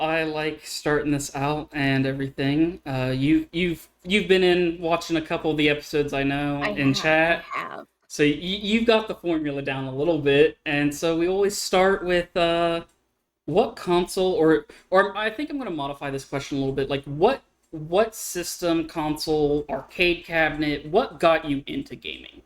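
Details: Adult speaker; ordinary speech.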